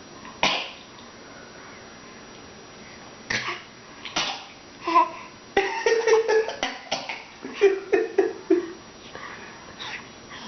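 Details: Several short, sharp coughs from two people, a young child and an adult (grandfather), in a small quiet room.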